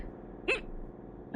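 A single short, sharp gulping hiccup over quiet room noise; an ordinary hiccup.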